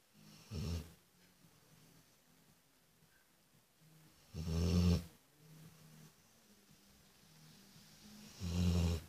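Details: Sleeping dog snoring: three loud, low, rumbling snores, slow and spaced several seconds apart, in a quiet room.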